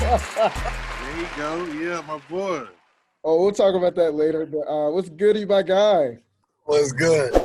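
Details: Adult male speaker; Normal voice.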